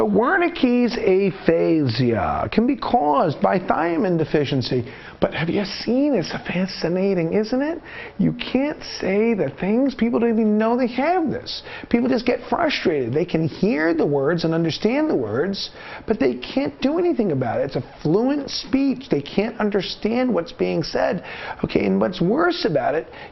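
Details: Adult speaker; normal speech.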